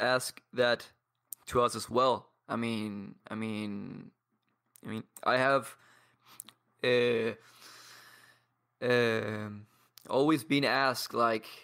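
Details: 22-year-old man from Paraguay who has stuttered for as long as he can remember, with blocks, and who practises daily with a community of people who stutter; stuttering.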